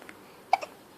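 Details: Baby girl with hiccups: two brief, sharp hiccup sounds in quick succession in a quiet room.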